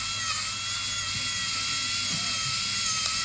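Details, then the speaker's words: High-pitched whine of a high-speed dental drill with faint hiss, using a needle-form bur to bevel the enamel surface, removing the hypermineralized layer before composite restoration to close a diastema. "so I need to decrease this area and I will do billing"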